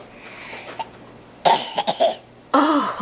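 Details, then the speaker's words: Several harsh, quick coughs from a pet, then another forceful cough, in a quiet room; a bad cough. "are you poor thing you put the cup oh terrible terrible cop oh he poor thing"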